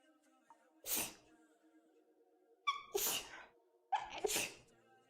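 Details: Three sharp sneezes in a row, each with a brief voiced lead-in, over a quiet background hum. The person says their eyes are suddenly itchy too.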